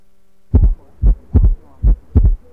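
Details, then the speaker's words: Simulated heart sounds from one of three ill patients in a virtual cardiac auscultation training simulation. Heart murmur. "Here we have 3 patients who are ill. Listen to the heart sounds for each condition."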